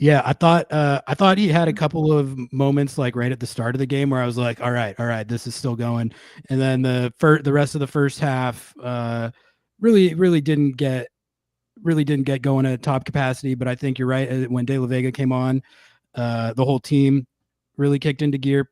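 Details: Adult man speaking; Normal conversational speech.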